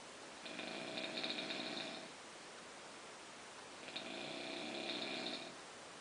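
Two drawn-out, buzzing nasal snores over steady background hiss, about 18 breaths a minute; nasal snoring.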